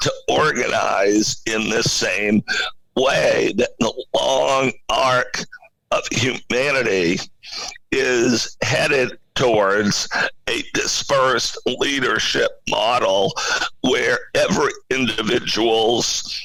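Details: Adult male CEO with spasmodic dysphonia, a rare neurological voice disorder affecting only speech, with no known cause and no known cure; acquired in 2010, when using his voice suddenly became hard; finding: spasmodic dysphonia.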